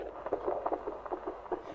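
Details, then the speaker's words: Midwife home visit, woman 38 weeks pregnant with her second child: fetal heartbeat on Doppler, rapid regular whooshing about 140 a minute, rising after the baby is pushed; normal, reassuring fetal heartbeat. "then if you give the baby a push we'll see if we can hear the heartbeat go up do you mind yeah yeah you could hear it go up a bit there we go that's a really good sign that that's a happy little baby in there"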